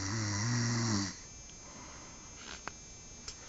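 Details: Person snoring at night, unaware they snored: a single low, rattling snore lasting about a second, then quiet breathing and faint room noise; snoring.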